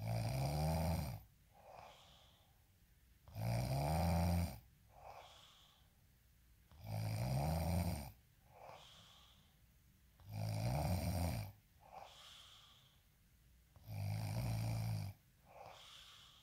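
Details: Sleeping person with regular loud snores about every three seconds, roughly 17 breaths per minute, with quiet exhalations between; snoring.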